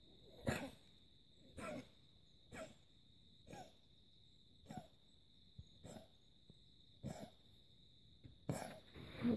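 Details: A German Shorthaired Pointer with kennel cough gives about eight harsh, honking coughs in a row.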